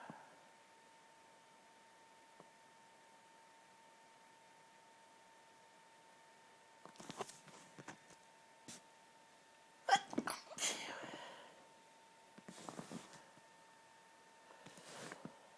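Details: Violent stifled sneezes, very hard to hold back, some strong enough to make the person double over; quiet room with a faint steady tone, then several short, muffled sneeze bursts held back.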